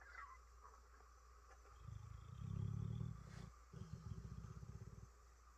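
Low, fluttering rumbles on breathing in, a sleeping dog's snore, with steady background hum.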